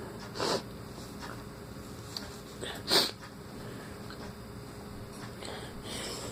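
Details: Adult with a runny nose since waking in the morning: two short, breathy sneeze bursts a few seconds apart over quiet room noise.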